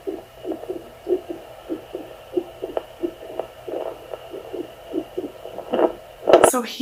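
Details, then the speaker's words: Maternal heartbeat with palpitations on a home handheld Doppler: fairly quick, slightly uneven whooshing pulses from a non-pregnant adult woman. The Doppler shows high numbers that do not match the heartbeat heard. "this next part it will show some pretty high numbers on the Doppler but you can clearly hear that the heartbeat does not match the numbers"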